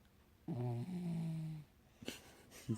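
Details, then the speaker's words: Dog sleeping beside her owner, snoring: one drawn-out, low, tonal snore on a breath, followed by softer breathing noises. "Are you snoring, bro? Oh my god. Not me. Are you sure? She was sleeping with her daddy."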